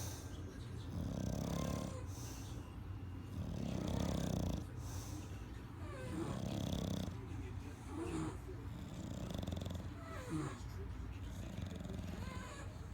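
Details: Dog snoring: loud, rough snoring with snorting catches, about five breaths in 13 seconds, like heavy bulldog snoring.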